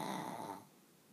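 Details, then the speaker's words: Tired dog sleeping, owner says snoring usually builds louder like a freight train and persists: a single brief rattling snort-like snore, fading quickly; snoring. "really this isn't so bad on the snoring but she gets going like a little freight train and as you can hear it gets Lou louder and"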